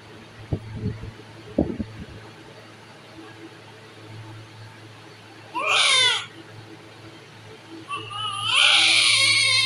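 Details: Over steady room hum, a 4.5 kg newborn gives a brief cry, then a stronger sustained wail just after birth; vigorous, healthy-sounding normal newborn cry.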